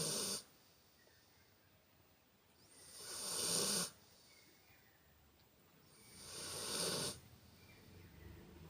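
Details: Funny loud snoring during sleep: hissy, rasping snores about every three seconds with quiet pauses between; loud snoring.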